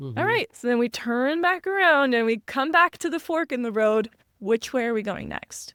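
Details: Adult speaker; Normal speech.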